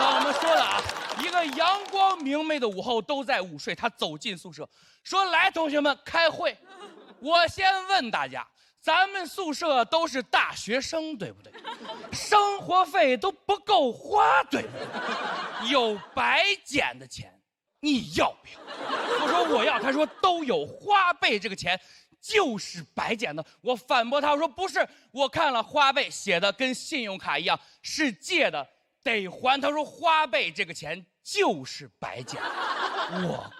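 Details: Adult speaker, stand-up monologue; normal speech.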